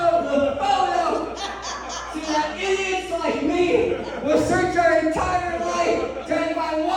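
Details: Adult male who lost 80% of his tongue to cancer, with a permanent speech impediment: articulation impairment after partial glossectomy.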